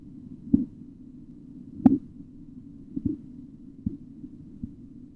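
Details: Sharp tapping sounds over a low steady hum during auscultatory blood pressure measurement; Korotkoff sounds.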